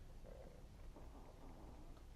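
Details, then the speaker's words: Low, continuous gurgling rumble from the streamer's own stomach, heard during a live stream, which he points out to viewers: loud bowel sounds (borborygmi). "You can hear my stomach. I might have to get off live for a little bit and"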